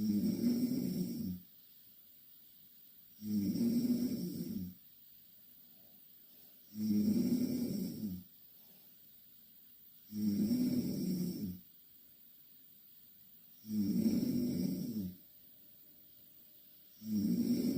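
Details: Two Korean girls asleep in the same bed: regular low, rattling snores on each breath in, about 17 breaths a minute, separated by quiet exhalations; loud snoring.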